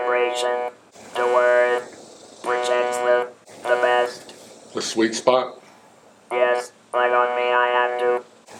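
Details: Adult man, laryngectomy 19 years earlier, speaks with a Servox electrolarynx, buzzing mechanical voice, advising new users to enunciate and find the spot on the neck for best vibration.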